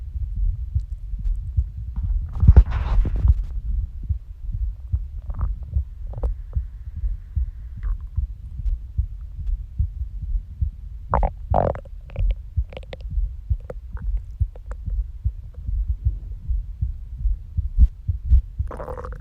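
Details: Steady low thumping heartbeat, described as skipping, underneath occasional gurgling stomach growls and squeaks; ordinary borborygmi with heartbeat.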